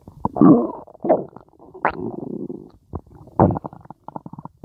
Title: stomach growling 2